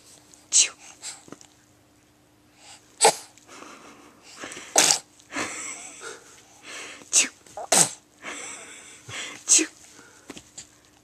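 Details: Sneezing in a young girl: a run of short, hissing, explosive small sneezes at uneven intervals, with faint room hum.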